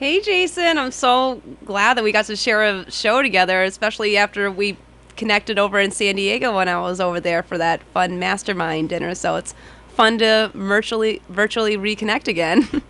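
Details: Adult woman speaking; Normal speech.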